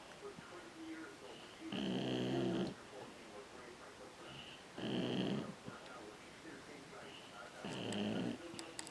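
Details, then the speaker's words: Sleeping dog after a hard day: three rattling, low snores about three seconds apart, roughly 20 a minute, against quiet room noise; snoring. "are you snoring are you snoring hey gloopy eyes"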